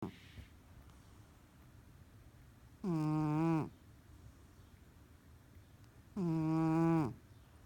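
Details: Sleeping, dreaming cat: two long, tonal, whining snores about three seconds apart, with quiet breathing between them. Loud snoring.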